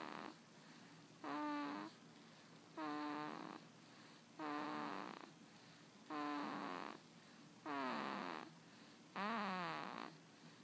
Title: Baby snores